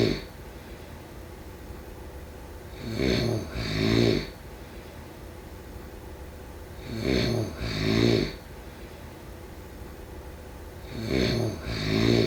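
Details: Three loud snoring breaths about four seconds apart, each a rough, rattling two-part sound, over steady room hum, during sleep: ordinary snoring.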